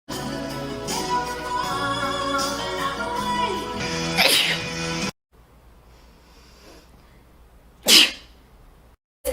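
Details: A woman's sneeze over loud background music, then after a pause a second sharp, explosive sneeze in a quiet room.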